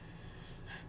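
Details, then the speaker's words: Dog snoring in the background: a quiet, low, rough snorting breath from a sleeping dog against faint room noise. "You can probably hear my dog snoring in the background"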